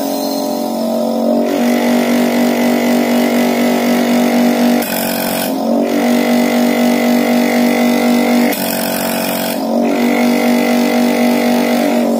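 Steady droning motor hum with brief shifts in tone from a medical suction pump running.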